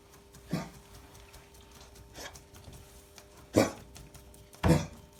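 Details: Cocker spaniel gives three sharp, harsh coughs and one softer one: kennel cough, an infectious airway cough.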